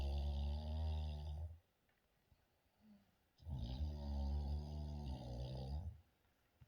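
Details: Snoring from a grandmother (nana) asleep: two long, low, rattling snores with quiet pauses between them in a small quiet room.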